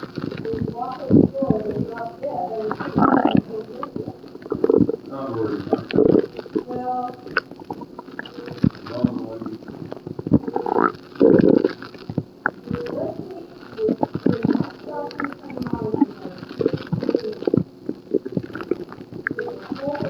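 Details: Stomach growling in a hospital patient with an upset stomach: low gurgling rumbles and bubbling over twenty seconds, loud active bowel sounds.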